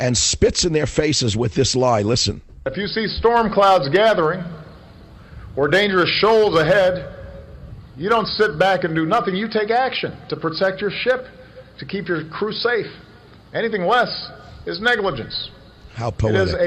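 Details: Adult men speaking, radio broadcast; Normal speech.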